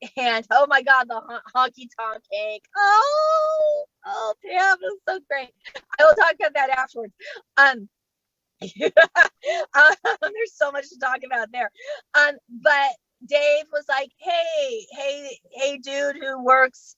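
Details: Adult female stand-up comedian who stutters and states she does not fake her stuttering, speaking during a live comedy set; stuttering.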